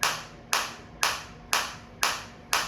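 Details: A focused shockwave therapy applicator firing in a rehabilitation demonstration: sharp, regular snapping pulses about two per second, each fading quickly, at low intensity.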